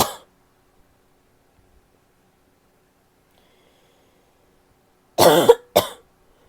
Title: barky cough (f)